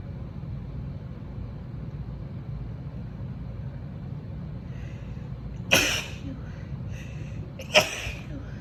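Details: Female with allergies, nose tickly and itchy, gives two forceful, wet sneezes about two seconds apart over steady traffic-like background noise; allergy sneezing.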